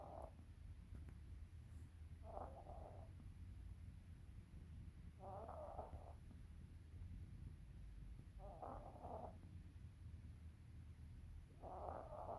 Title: Minnie snoring with eyes open